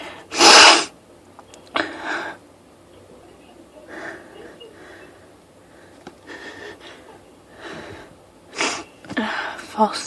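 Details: Sneezing fit of 18 sneezes set off by one spritz of perfume after being sniffly with an urge to sneeze all day: two loud, explosive sneezes with softer breaths and short sneeze-like bursts between.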